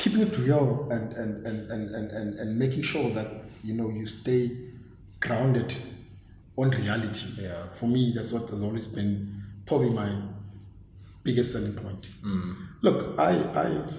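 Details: Adult male who has stammered since a very young age; stuttering.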